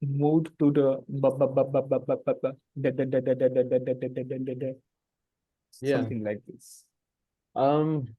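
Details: Adult host of a stammering practice circle who stammers, speaking naturally before a voluntary stammering demonstration; stuttering with word repetitions.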